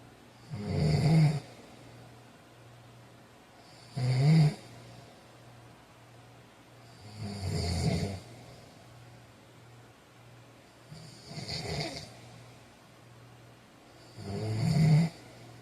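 Low rumbling snores with each breath, five over fifteen seconds, about 19 a minute, over a steady low room hum; snoring during sleep.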